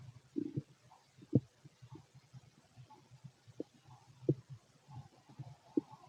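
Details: Normal bowel sounds from a fit adult male's abdomen heard through a stethoscope: soft irregular gurgles and low rumbles with a few louder pops, ordinary stomach growling.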